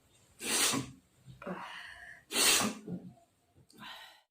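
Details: Woman's sneezes induced by tickling the nose with cotton in a sneezing challenge: two loud, explosive sneezes about two seconds apart, each followed by breathy gasps.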